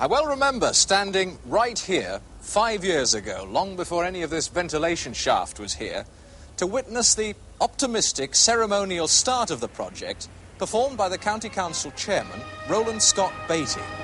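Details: Adult presenter; normal speech.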